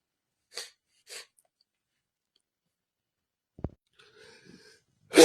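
Two quick sniffs, then a short snort and a sharp sneeze burst at the end.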